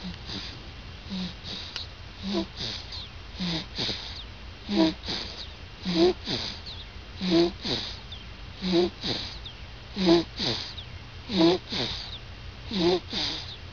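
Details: Sleeping child, recorded 12/17/06, breathing quickly with a harsh, high-pitched, crowing noise on each breath: stridor.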